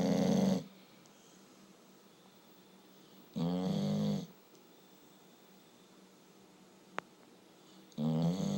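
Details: Tired sleeping dog snoring: three loud, rough snores spaced a few seconds apart, separated by quiet breathing.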